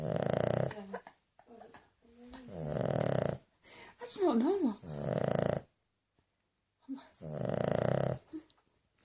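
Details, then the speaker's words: Sleeping dog snoring: loud, rough, rattling snores with squeaky whistling sounds between breaths. "This is the lightest snoring dog in the world."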